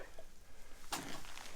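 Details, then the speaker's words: A big newborn calf, just pulled at birth, is held so gravity drains fluid from its lungs, with straw used to provoke coughing; fluid is audible, then one sharp, wet snort or cough clears its airway. "Let gravity do the work. Try to get some of the stuff out of his lungs. You can hear fluid in there."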